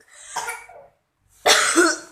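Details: Two forceful coughs, the second louder and harsher, used instead of pushing in a second labour; mother lying on her back, short umbilical cord, baby's head down at the pelvic floor.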